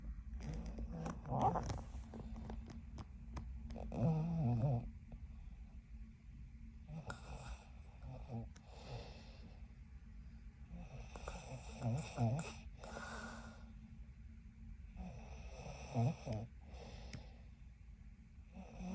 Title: When your girlfriend snores loud. Lol.